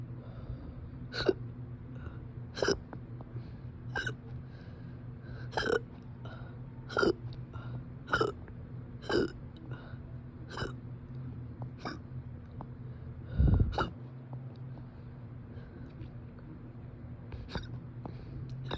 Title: persistent hiccups